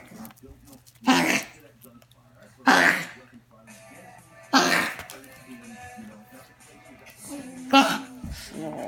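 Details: Dog coughing loudly: four harsh coughs a couple of seconds apart. The dog has worsening coughing fits lasting up to 45 minutes that disturb its sleep; the vet suspects heart disease or heart failure, unconfirmed.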